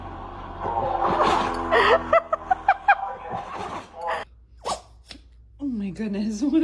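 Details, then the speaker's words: A dog gives a burst of short, sharp, big nasal sneezes over background music. "what a big sneeze. Poor little buddy."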